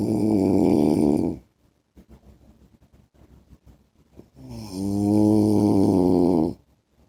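Loud, drawn-out, vibrating snores with quieter breathing between them, about every five seconds, heard during sleep.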